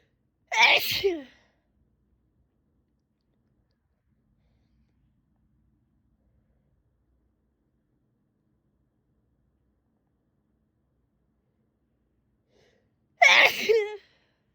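Two sharp, explosive sneezes about twelve seconds apart, with silence between.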